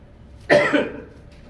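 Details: During a Tamil sermon, the preacher clears their throat and coughs while about to read John 8:44. Cough.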